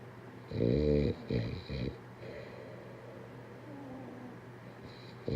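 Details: A few rough, rattling snoring breaths followed by quieter breathing against low room hum: snoring.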